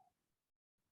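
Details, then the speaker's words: Brief, soft vocal whoosh imitating the diastolic murmur of new aortic regurgitation heard along the left sternal border, in a patient with chest pain radiating to the back and hypertension: aortic regurgitation murmur (imitated). "the pearl is now with this new murmur of aortic regurge in the chest pain to the back hypertension listen along the right sternal border if it's louder you've cinched the diagnosis"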